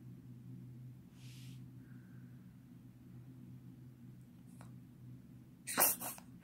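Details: A single small, sharp sneeze from a one-day-old newborn near the end, over steady low room hum.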